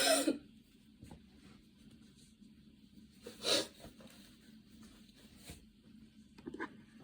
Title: little fit while getting ready, hahah might just film grwm just with coughing